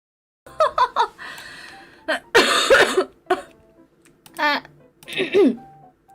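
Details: Girl coughing while she has a cough: a few short, harsh cough bursts mixed with laughter and vocal sounds.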